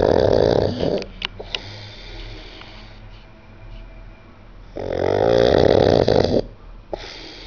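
Two long, loud, rattling snores separated by quieter breathing with faint clicks; heavy snoring.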